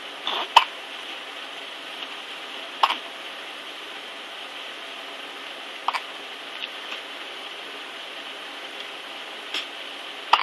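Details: Short, sharp hiccups every few seconds, about five in ten seconds, over a steady quiet room hiss; hiccups.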